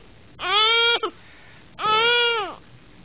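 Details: Infant crying: two drawn-out wailing cries with a brief catch between; ordinary crying.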